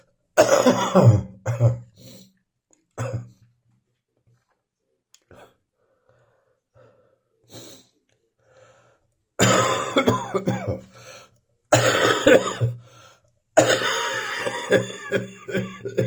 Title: Still coughing in the morning.